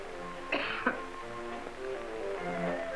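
Two quick coughs over background music in an old educational film.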